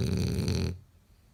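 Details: A single low, rough, rattling snore, then quiet, from a sleeping French bulldog.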